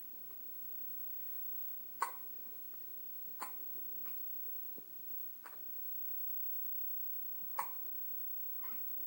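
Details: 2.5-week-old newborn girl: short, sharp, quiet hiccups repeating every one to two seconds, about five in nine seconds; ordinary infant hiccups.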